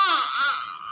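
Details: Newborn who was born not breathing, needed CPR, and has respiratory distress syndrome and an IV cannula in the hand. During an attempted oral feed the baby rejects it, with poor sucking, and gives a brief, strained, high-pitched cry.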